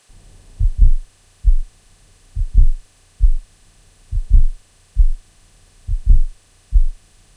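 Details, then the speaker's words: Simulated heart sounds, first in slow motion then real time: soft extra sound in late diastole just before each S1, best heard at the cardiac apex with the stethoscope bell; S4 atrial gallop from blood forced into non-compliant ventricles. "The S4 heart sound is heard best at the cardiac apex with the bell of the stethoscope. It is heard in late diastily and is often described as an atrial gallop rhythm."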